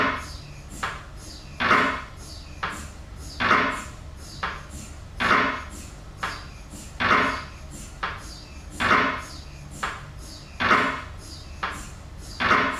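Steady, machine-like knocking pulses, about 33 a minute, in a strict repeating pattern. Typical MRI scanner running noise.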